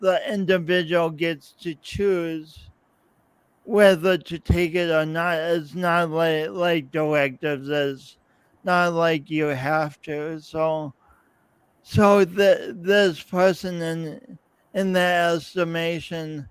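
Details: Man's real, lifelong speech impediment with coordination differences, self-described; speech impediment with repetitions.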